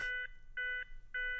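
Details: Zenix defibrillator/monitor in a pediatric-population instructional demo: CPR metronome prompt tones after a shock, guiding chest compressions with real-time rate and depth feedback.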